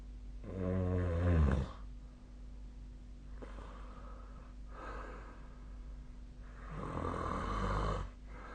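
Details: Sleep snoring: loud rattling snores, two in about nine seconds, quieter breaths between over a steady hum; snoring.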